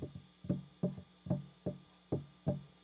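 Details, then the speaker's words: Regular low heart sounds with an added extra sound forming a three-beat gallop rhythm, described as usually pathological, heard especially in heart failure; gallop rhythm. "Aquí tenemos lo que se conoce como ritmo de galope, que como su nombre dice es un ritmo de tres tiempos."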